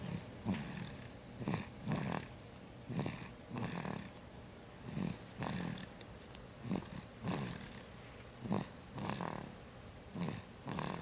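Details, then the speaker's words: Sleeping baby snoring lightly, with soft, rattly, snorting breaths in a steady rhythm on both inhalation and exhalation, about 17 breaths a minute. "snoring."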